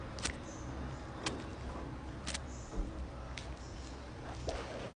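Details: Cracking joints (crepitus): about five sharp, isolated pops over a low steady hum.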